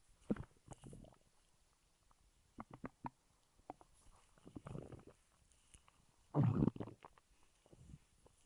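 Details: Stomach growling (borborygmi) recorded over about 3 minutes 5 seconds: low gurgles and rumbles in irregular bursts with quiet gaps, moving gut contents.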